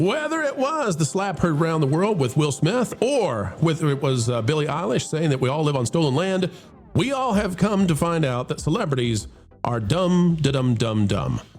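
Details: Adult man; typical speech.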